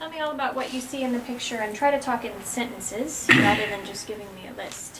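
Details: Adult examiner, speaking voice; normal speech.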